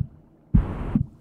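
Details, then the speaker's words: Stanford Virtual Heart simulation of a ventricular septal defect, a hole letting blood flow from one side to the other: a low thump, then a harsh whooshing, garden-hose-like murmur filling the space before the next beat. "so in this case there is a hole in the heart so this weird garden hose sound is blood flowing from one side to the other"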